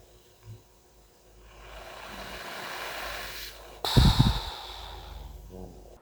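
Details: Heavy breathing with a snort from a sleeping adult man using CPAP for severe sleep apnoea (about 70 events per hour on his sleep study); snoring is much reduced since treatment.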